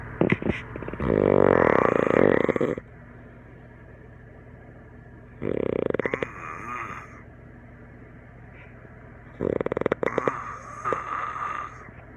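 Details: Adult snoring during sleep after a campfire and some drinks, filmed by a friend and likened to a tree frog or alien: loud, harsh, rattling snores in long bursts, about 13 a minute, with quiet pauses; heavy snoring.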